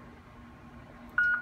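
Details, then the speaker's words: Braun Vista IV infusion pump switched on by holding the power button, short electronic power-on beep in a quiet room; demonstration of pump setup with a saline bag. "um run that a certain rate you're going to hold this power button turn it"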